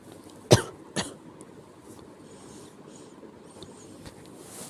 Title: 気持ち悪い咳 sick cough